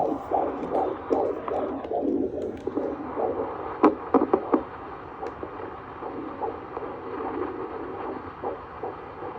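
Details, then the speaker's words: Doctor checks the fetal heartbeat by Doppler at a 7-month prenatal appointment in a first pregnancy: rapid whooshing pulses running about 150 a minute, with a few thumps from fetal movement. "And then while I was there, the doctor checked my baby's heartbeat. So I'm going to insert a video right now. Running about 150 today."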